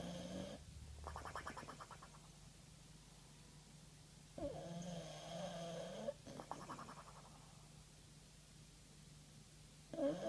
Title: Bulldog Bubble Snoring